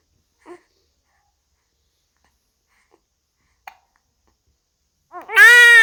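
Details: Baby hiccuping in a quiet room: two brief, soft hiccup sounds several seconds apart, followed by the baby starting to fuss; infant hiccups.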